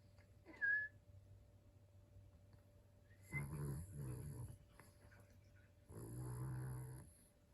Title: Yorkie dog snoring